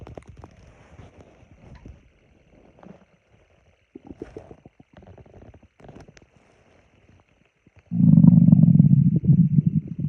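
Soft gurgles and bubbling sounds, then a loud sustained low rumbling growl from the abdomen; ordinary stomach growling (borborygmi).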